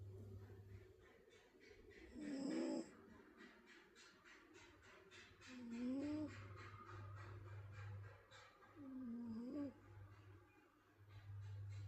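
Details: Sleeping and snoring: three soft, whistling snore sounds about every 3.5 seconds over a steady low hum, consistent with light snoring during sleep.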